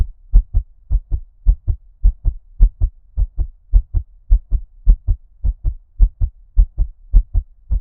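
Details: ASMR heartbeat with an ear-cupping effect: muffled, regular paired lub-dub thumps at about 105 beats a minute, sounding underwater; a fast heart rate.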